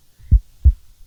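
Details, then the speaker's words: Normal heart sounds via stethoscope in a roleplay exam of an adult woman breathing normally: two clean low thumps, S1 then S2, no murmur, no S3 or S4. "So I'm not hearing any murmurs. I'm able to hear S1 and S2."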